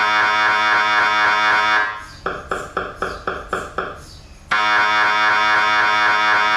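Loud buzzing drone interrupted by a run of rapid regular knocking pulses, then buzzing again: MRI scanner sequence noise.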